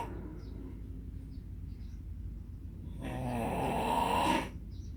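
Quiet breathing, then one loud rattling snore on the in-breath lasting about a second and a half, with faint room noise.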